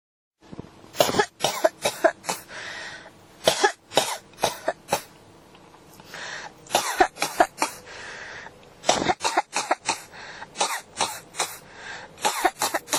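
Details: Coughing that won't stop (ASMR-tagged recording, clip from a 1–28 series): about 25 harsh coughs in clustered bursts over 13 seconds with brief breaths between; repetitive cough.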